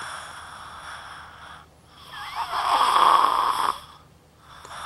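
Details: Patient lying on his side, snoring a great deal lately despite side positioning that usually stopped it: a harsh, rasping snore builds to a loud, rough peak and fades over background hiss; snoring.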